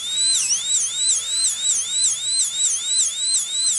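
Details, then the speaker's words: High-pitched whine rising and dipping about once a second: an air-driven dental turbine drill, powered by compressed air, running. "pourtant le bruit ça ne fait pas mal de bruit est là pour nous avertir d'un danger et ça n'est pas raisonnable d'avoir peur de la turbine"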